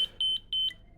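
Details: ZOLL M Series biphasic defibrillator, switched on in monitor mode while connected to charging power: several short, clear, high-pitched electronic beeps in quick succession.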